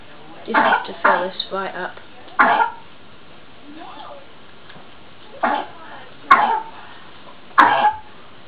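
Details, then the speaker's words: Several short, sharp coughs in the background from a child who is a little ill, with some voiced sounds and room noise; a child's cough during mild illness. "up my little sister's a little bit ill so that's who you can hear coughing in the background"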